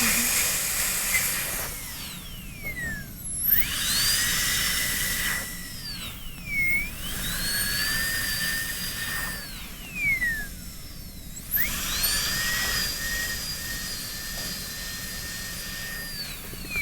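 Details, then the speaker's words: High-speed dental handpiece whine rising and falling with short pauses while correcting a ski-jump shoulder on a student's canine PFM crown preparation. An 877 chamfer bur is used proximally, with the bur end kept at the margin. "And then the most convenient chamfer burr for the proximal is the 877, so you used it a little bit. But make sure you keep the end of the burr at the surface, at the margin, never inside the tooth."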